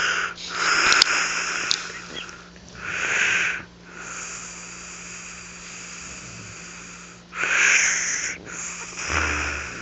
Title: شخير مميز ههههههههههههه Snore